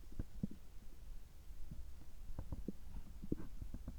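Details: Abdominal sounds recorded just after a checkup gastroscopy, with normal results; irregular low gurgles and soft pops over a quiet hum, normal stomach and bowel sounds.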